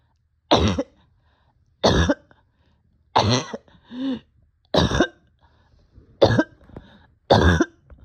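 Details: Person short of breath with barking cough: six harsh, abrupt, hollow cough bursts separated by pauses, one followed by a voiced groan; barking cough.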